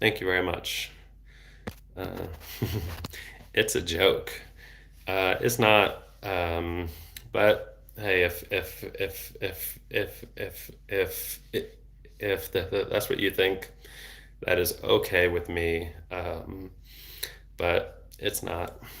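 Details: Adult male speech-language pathologist who has stuttered since age 8, with speech therapy off and on until his early 20s; repeated word heard; stuttering.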